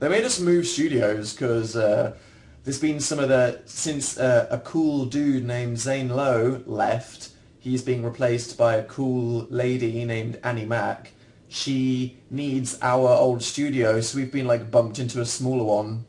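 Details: Adult male speaker; Normal speech.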